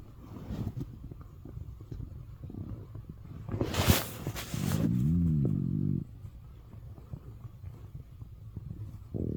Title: morning stomach growls【turn your volume up】